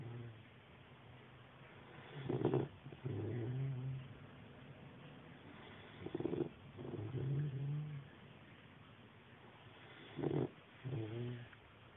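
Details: 12-week-old snoring while asleep: three soft, rough snoring breaths about four seconds apart, roughly 15 a minute.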